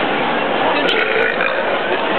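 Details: Deliberate burping during a burping contest between friends at a mall: a long, loud, rough belch running through the whole stretch.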